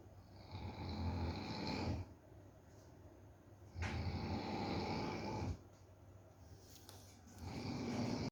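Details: Dog snoring while falling asleep: low rattling snores on each inhalation, about 19 per minute, with quieter exhalations between; snoring.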